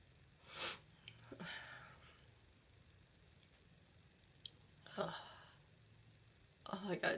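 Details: Adult possibly coming down with something, with a tickle: a few short, explosive tickly sneezes separated by quiet breaths in a small room.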